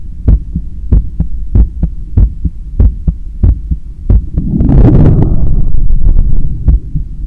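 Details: Heart sounds heard through a stethoscope right after a 10km run, lying on a daybed and leaning on the left side, while trying to control breathing. Strong, fast lub-dub at about 95 a minute, briefly masked by rubbing; normal heart sounds after exercise.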